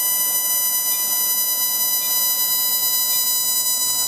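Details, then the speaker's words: Luminous CO2 laser making a bloodless incision during a lower-lip reduction on a Caucasian patient under IV sedation. Steady high electronic tone with soft hiss throughout. CO2 surgical laser firing tone. "so we're going to make our laser incision with the luminous co2 laser and this is really very similar to blepharoplasty"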